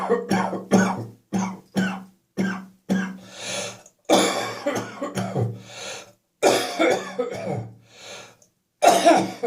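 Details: Evening coughing and spitting after coming into a warm house from cold outside air, cough slowly resolving; productive cough.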